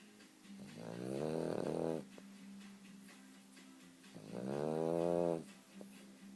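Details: Snoring: two loud, drawn-out, buzzy snores a few seconds apart, each with a rattling quality, over a steady background hum.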